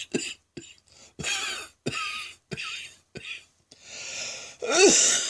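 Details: Prolonged midday coughing fit: repeated harsh, rasping coughs with brief gasps, ending in a strained hoarse breath, sounding like a heavy smoker; coughing fit.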